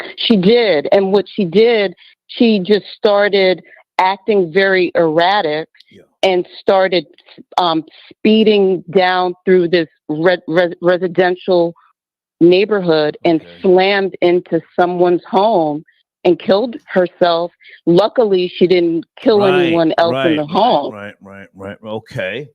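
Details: Adult woman caller with a self-reported speech impediment of unspecified type, stating she is not high; speech impediment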